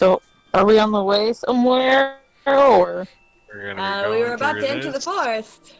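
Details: Adult speakers in conversation; typical speech.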